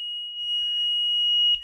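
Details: A steady, high-pitched continuous tone that cuts off abruptly from an LTV 950 portable ventilator being switched off after its pre-use check, no patient attached; normal power-off alarm.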